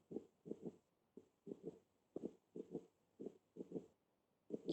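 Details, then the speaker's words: Third heart sound (S3 gallop) played in a pathological heart sounds class: three heart sounds heard, perceived as three rather than a split sound. "es y está clarito que son tres ruidos no más claros en el anterior está muy cerca uno del otro y se percibe como tres"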